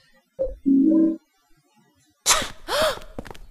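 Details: Video game character Eileen (Silent Hill 4) sneezing, recorded without background music: brief high voiced sound, pause, then sharp breathy burst and short voiced 'choo'; a single simulated sneeze.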